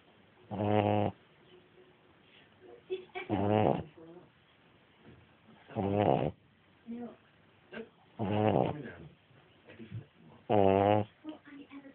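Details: Snoring: five rhythmic, rasping snores, about 24 a minute, with quiet breathing between them.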